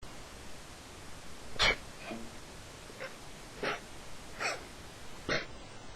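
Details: Repeated sneezing late at night, about 12:30 am, in a person: a rapid run of about five or six small, sharp, high-pitched squeaky sneezes against quiet room noise.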